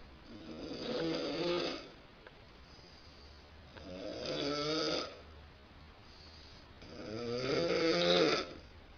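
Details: Adult woman snoring at night: three loud, rattling snores on the in-breaths, about 18 breaths a minute, with quiet out-breaths between; loud snoring.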